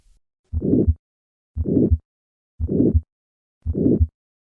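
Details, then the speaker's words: Harsh diamond-shaped systolic murmur of aortic stenosis, four beats at about 58 a minute, heard at the second right intercostal space. "the murmur of aortic stenosis will on occasion be audible at the cardiac apex with a change in pitch the gallivardian phenomenon despite this increase in pitch this murmur retains its characteristic diamond shape"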